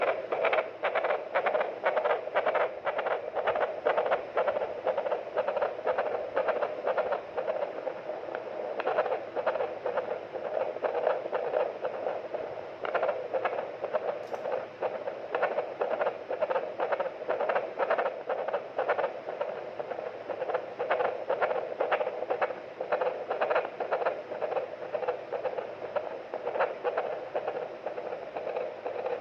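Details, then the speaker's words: Fetal heart sounds on a fetal Doppler monitor in a full-term (9-month) pregnancy during labour: fast, regular whooshing pulses at about 120 a minute, normal (normal range 110–160). "बच्चे की धड़कन normal है normal बच्चे की धड़कन 110 से लेकर 160 तक हनी चाहिए"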